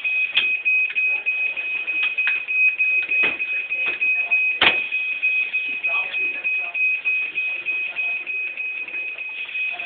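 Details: Continuous high-pitched pulsing electronic alarm with faint voices and handling noise during a student training session on dialysis machine setup, filmed on a phone: dialysis machine alarm.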